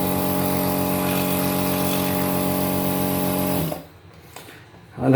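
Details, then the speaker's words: Omron NE-C28 compressor nebulizer running: steady, low mechanical hum that stops after a few seconds; described as quite silent, quieter than a normal nebulizer, with very little vibration. "ही काफी silent है और काफी silent है आवाज इसकी normal NAAC blouse से काफी कम है आंवले के बराबर है है और वाइब्रेशन बीच के अंदर बहुत कम है"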